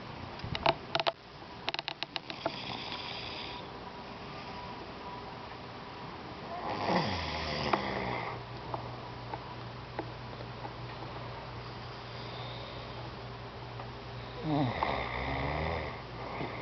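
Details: Rough, vibrating snores on breathing in, a few spaced breaths apart, from a grandmother or her grandson snoring in sleep, with some handling clicks at the start; snoring.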